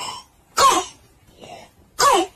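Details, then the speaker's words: Two harsh, hoarse, barking cough bursts like a dog's bark in a child. This cough may signal acute laryngitis with swelling of the airway, which in severe cases risks laryngeal edema and suffocation. "这两种咳嗽有可能会是急性喉炎，一个叫犬吠样，小狗叫一样，"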